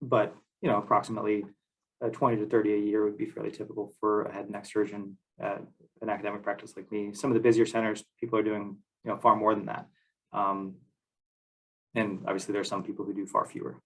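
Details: Adult male speaker; normal voice.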